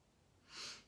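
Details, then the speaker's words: Cat, a chronic sniffler per the vet, often stuffed up and sneezing, possibly allergies (owner unsure), under a table: one brief soft hissing nasal burst like a sniff or stifled sneeze over quiet room tone; nasal sniffling from congestion. "he's sneezing and then he's you know congested and stuff so if you hear the sniffling and sneezing it's the cat"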